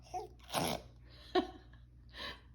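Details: Baby pretending to sneeze for attention: three short sneeze-like bursts with sharp onsets, imitated rather than real sneezes.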